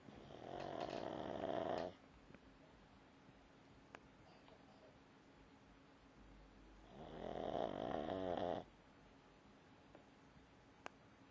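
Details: Pug dog, a flat-faced breed, snoring loudly as usual while asleep: two long, rattling snores on the in-breath, about five seconds apart, with a fluttering buzz, in a quiet room; snoring.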